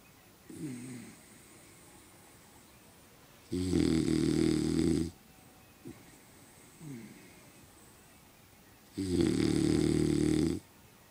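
Two loud, rough, rattling snores on the in-breath, each about a second and a half long, with quieter out-breaths between; snoring in a sleeping dog.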